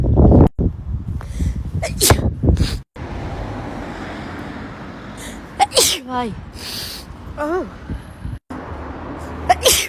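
A run of sharp, explosive sneezes, some with a high squeaky onset, over steady room noise and brief talk.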